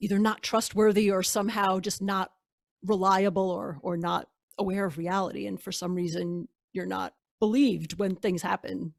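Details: Adult woman speaking; normal speech.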